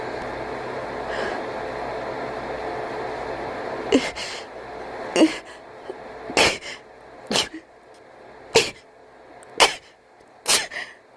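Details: Cat, described as wheezing, gasping and sneezing, gives about seven sharp sneezes with small snorting breaths between them.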